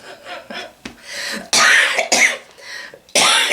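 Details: Adult woman with a lingering cough that has persisted for some time: three loud, harsh, dry-sounding cough bursts between softer breathy sounds in a small room.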